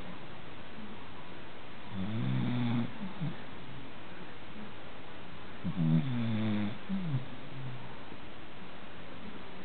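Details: American Cocker Spaniel during an afternoon nap: two soft, low snores with a slight whistling rise at the end, about four seconds apart, over steady hiss; snoring.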